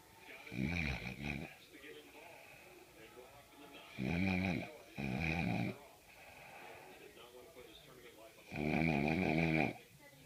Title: Girl cool snoring (funny!)